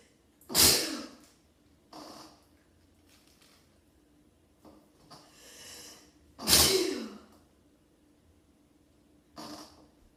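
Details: Person sitting: two sharp, forceful sneezes several seconds apart, with softer breaths and lesser sneeze-like bursts between them: sneezing.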